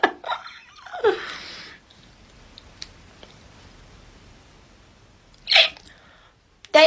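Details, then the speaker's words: A few sudden, irregular squeaky gulps with a catch in the voice, separated by quiet pauses, from a speaker apologising for the hiccups; hiccups. "I'm sorry about my hiccups, by the"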